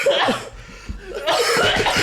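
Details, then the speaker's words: Playful, imitated cough by podcast hosts joking about a man known for his cough; a few short throaty coughs mixed with laughter and chatter. "Dustin itu terkenal dengan batuk."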